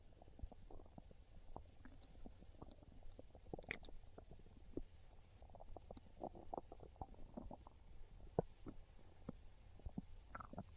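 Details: Continuous low gurgling and rumbling with bubbly pops; normal hunger stomach growling (borborygmi), described as craving pizza.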